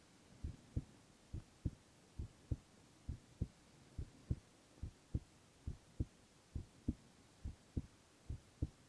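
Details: Silent ASMR recording of a young man's heart sounds only: steady paired lub-dub beats at about 68 a minute, clear and regular; normal heart sounds.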